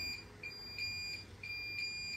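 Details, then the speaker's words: Repeated high-pitched electronic beeps from hospital bedside equipment in a quiet room at night after a scoliosis spinal fusion; the patient, in pain with a morphine button, says everything won't stop beeping. "everything won't stop beeping"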